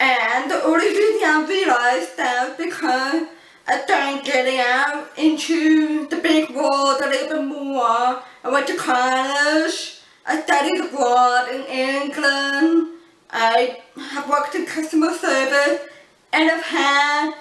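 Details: Adult woman born deaf who uses cochlear implants and learned to speak English through speech therapy; people often mistake her deaf accent for a foreign accent; deaf speech.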